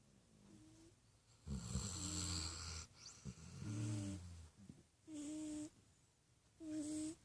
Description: My dog Butterball and cat Clarice are caught sleeping and snoring together.